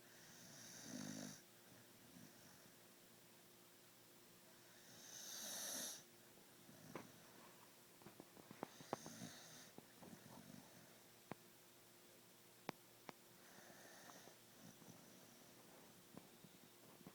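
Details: Snoring in a sleeping dog: hissing, whistly snoring breaths every few seconds with faint clicks and light noise between them.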